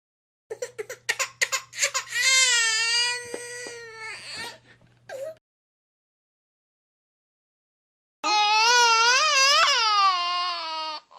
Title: 👶Bebe llorando😭 (Efecto de sonido) Baby crying / PACK DE SONIDOS